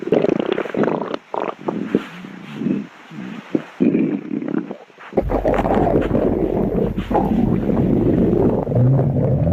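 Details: Low gurgling and rumbling, then a loud, sustained churning growl with heavy handling noise; stomach growling, a normal sound of digestion.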